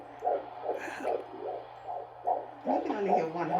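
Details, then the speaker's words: First-trimester fetal heartbeat on Doppler at an early prenatal appointment: fast, regular whooshing beats about 145 a minute over Doppler hum, within the stated normal range of 110–160; single baby, though her mother suspects multiples. "and then she was like oh that's your heartbeat okay that's the baby's heartbeat"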